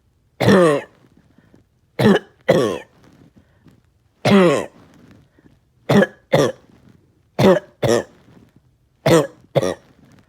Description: Haven’t been able to shake this today. Tired with chest pain.